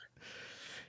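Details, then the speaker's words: A brief, harsh snorting burst from a small female dog with a tracheal problem, treated with hydrocodone pills. The honking cough of tracheal collapse was first mistaken for a hairball. "sorry can you hear my dog coughing in the background I thought that was a hairball or something"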